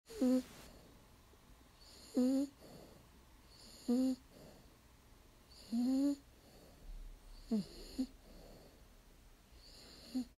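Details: Sleeping female dog snoring at about 16 breaths a minute: each snore a short, whistling, tonal squeak, with quiet breathing between.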